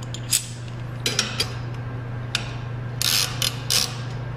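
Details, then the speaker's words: Bookwalter table-mounted abdominal retractor, smallest single-action ratchet of three types giving varying retraction and angle; sharp metallic clicks in short bursts over a steady low hum. "now there are three types of ratchets in each of these sets and each of these ratchets basically just give a varying degree of retraction and angle so again starting with the smallest ratchet"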